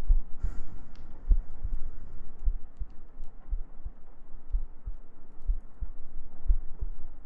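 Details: ASMR sleep-aid girlfriend cuddle role-play with heartbeats, gentle breathing and humming: soft, regular low thumps over a steady hum, around 75 beats a minute; a normal heartbeat rhythm.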